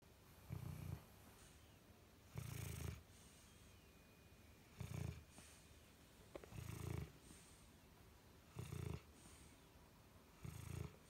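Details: Low rumbling snores about every two seconds (~30/min) from a sleeping 4-year-old dog with liver degenerative disease; ordinary sleep snoring.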